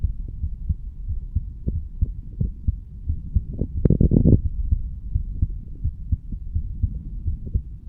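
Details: Heartbeat of a 35-year-old male standing up, recorded at the mitral (bicuspid) valve area: soft low thumps in a steady rhythm under a low hum, brief rustle midway; normal heart sounds.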